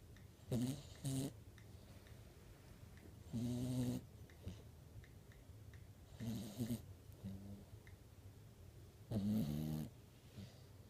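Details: Ordinary snoring with rough, rattling snores on each breath, about four in eleven seconds, with quieter breathing between; likened to a husband's snoring.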